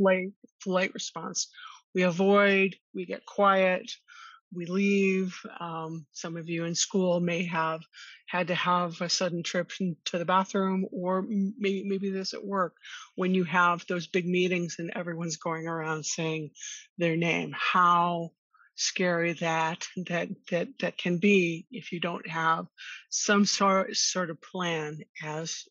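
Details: Stuttering in an adult woman who stutters, co-hosting a webinar on managing stress and anxiety at work for people who stutter.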